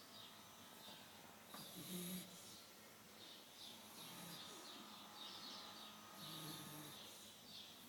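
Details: A newly acquired puppy in deep sleep, snoring.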